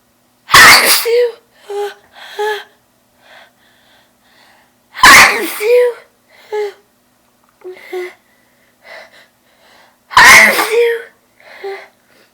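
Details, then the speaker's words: Sudden sneeze attack: a run of three forceful, very messy and wet sneezes about five seconds apart, each followed by short gasps and murmurs. "okay that was really messy ew [Music] e oh my gosh that was so wet"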